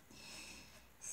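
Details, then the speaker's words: Sleeping dog, still tired after sleeping since the previous evening, snoring in a quiet room: a soft, rough, snorting breath. "je sais pas si vous entendez derrière milliards aux chiens qui ronfle n'a pas fini sa nuit est fatigué pour le fait il a dormi depuis hier soir"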